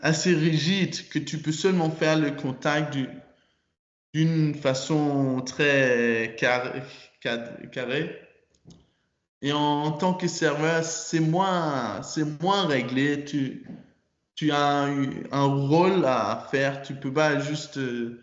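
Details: 22-year-old man, French-speaking student, who stutters and began working on his stutter in his last year of high school; stuttering.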